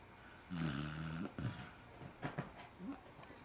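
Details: Snoring from a basset hound, quieter than his usual: snoring.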